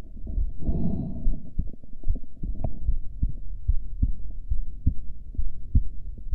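Regular low thumping heartbeats, about 75 a minute, with no breath noise; normal heart sounds.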